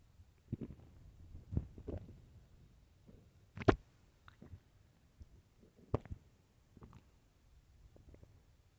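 Irregular gurgling and squelching rumbles with short pops in a quiet room; loud stomach growling from an empty stomach.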